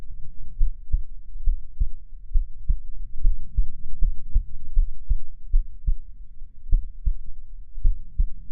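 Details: Heartbeat ASMR of the speaker's own heartbeat, listener imagined resting head on chest: steady, regular low paired thumps at roughly 75–80 beats a minute over a soft low hum; normal heartbeat.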